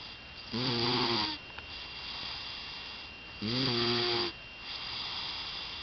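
Two rhythmic rattling snores on breaths in, about three seconds apart, with quiet breathing between; ordinary snoring.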